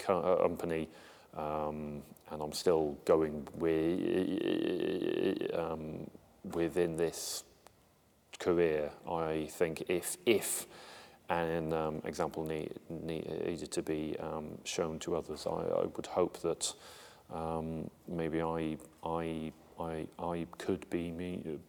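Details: Adult male military police officer who has a stammer, speaking English, with part-word and word repetitions; stuttering.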